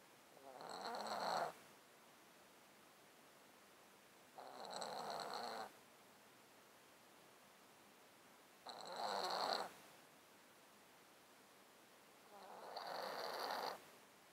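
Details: Cat with a 13-year underlying disease causing constant snotty sounds and sneezing, recorded close-mic while sleeping in a box: slow, snuffly breaths about 15 a minute, each with wet rattling rasp; congested breathing.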